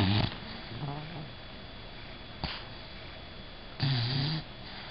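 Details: Female bulldog snoring while asleep: low, rumbling snorts at the start and near the end, with quiet breathing between them.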